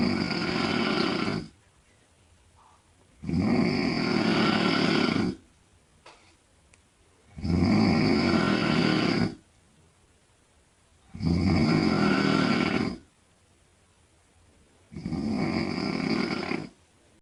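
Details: 42-year-old woman (wife) snoring loudly in bed: loud, rough snores on each breath in, about 17 a minute, with quiet pauses between; heavy snoring.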